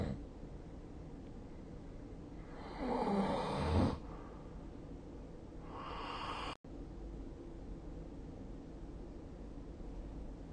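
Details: Snoring during sleep, recorded with the SnoreLab app on 2024/12/21: one low, rumbling snore and then a softer breath sound over steady room hiss.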